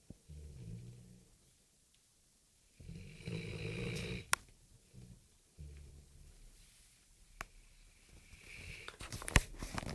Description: Tia, a Rodesian Ridgeback snoring